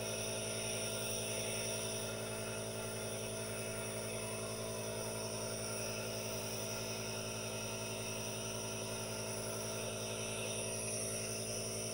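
Steady mechanical hum with a constant hiss throughout; a nebulizer running normally.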